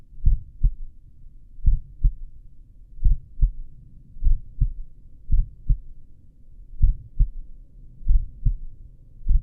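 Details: Own heartbeat recorded with a stethoscope at the apex while lying down: slow, regular, clear lub-dub pairs at about 45–50 beats a minute. Slow heart rate (sinus bradycardia range) with normal heart sounds.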